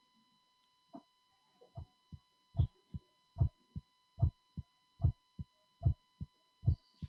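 Regular paired heart sounds at about 75 beats a minute, a low first sound and a crisper second sound, over a faint steady hum: normal first and second heart sounds.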